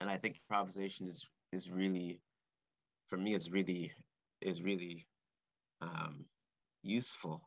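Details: Male composer who has stuttered since about age four or five, speaking live; he describes his stuttering as blocks and repetitions; stuttering.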